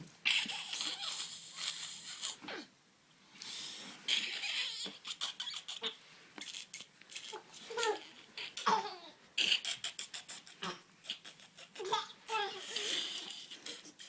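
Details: Baby making repeated short, breathy gasping and squeaky sounds between quieter pauses; turned out to be normal; infant gasping breaths.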